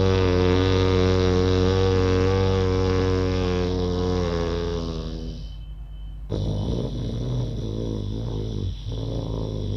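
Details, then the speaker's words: Deliberate simulated snoring in a yoga anti-snoring exercise: the tongue is folded back and the person breathes in and out through the nose, making a low, buzzy snore-like rumble in the throat on both breaths. "कुछ लोग आपको ये कहेंगे कि उज्जैन में हमें ओम जैसी आवाज़ निकालनी है, कुछ कहेंगे हमिंग की साउंड निकालनी है, बिल्कुल नहीं, खर्राटे की आवाज़ निकालनी है।"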